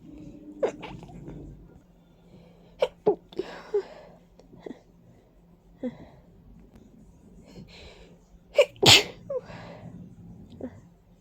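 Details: Several forceful, wet sneezes with sniffing and congested breaths; stuffy, runny nose and watering eyes attributed to ragweed and dust; sneezing from allergic rhinitis.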